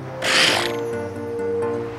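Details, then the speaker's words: Brief loud hissing blow from a northern elephant seal at Piedras Blancas, forcing its airway open on waking from breath-holding sleep apnea after sleeping 10–20 minutes at a time. "typically they'll fall asleep for between 10 and 20 minutes at a time you can often hear them waking up when they have to forcefully blow open their breathing airways"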